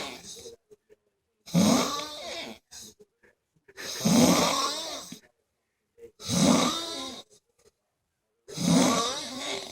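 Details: Heavy snoring after a hard night of striper fishing: loud, rough, rattling snores on each breath in, about four in ten seconds, with quiet pauses between.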